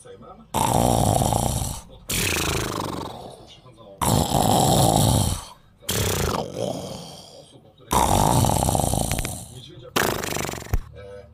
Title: Tyson 🐈 Please stop snoring 🤣🐯